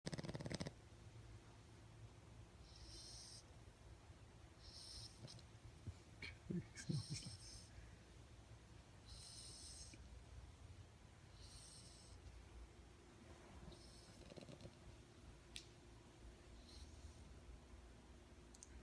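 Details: French bulldog (Buster) sleeping in owner's arms makes soft, repeated nasal snoring noises over quiet room hum: snoring.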